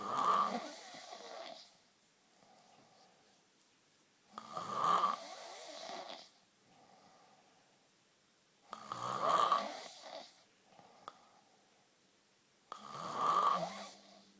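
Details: Boyfriend (adult male) snoring while asleep: loud rattling snores on each breath in, about 14 a minute, quiet breaths out between; ordinary snoring.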